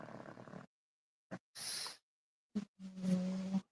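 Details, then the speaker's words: Sleeping puppy snores in irregular bursts of low rumbling snorts, a hissing breath and a brief tonal whine. "The sound of the puppy snoring. Put me out."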